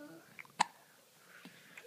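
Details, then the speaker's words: Infant's hiccups, recorded on a mobile phone: a single sharp, brief hiccup with faint softer catches around it in a quiet room. "hey hello lola oh the hiccups look at those big eyes"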